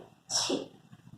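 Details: School demonstration of how to sneeze: a single sharp, hissing burst with a short voiced release, typical of one sneeze.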